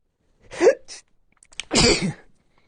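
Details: Male, sneezes induced with a 3D-printed stand, first one nostril then the other: a short breathy intake followed by a single explosive burst of air and voice, one sneeze.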